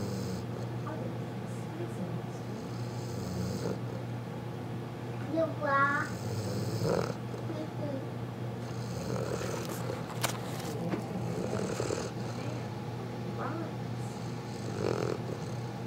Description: Newfoundland puppy happily snoring.